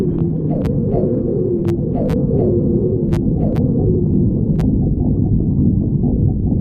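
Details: Badger's stomach growling (borborygmi): a continuous low rumble with rising and falling gurgles, squeaky tones and small pops.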